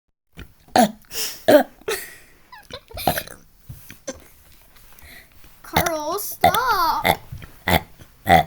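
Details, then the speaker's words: Loud, drawn-out voiced belches with rising and falling pitch, mixed with voice sounds; deliberate burping. "stop shut up stop burping this"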